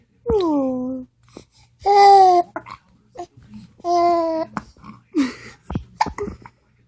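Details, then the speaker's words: Baby babbling and cooing through hiccups, broken by short sharp catches in the breath between sounds; an adult asks "Do you got the hiccups?" "Do you got the hiccups? Do you got the hiccups?"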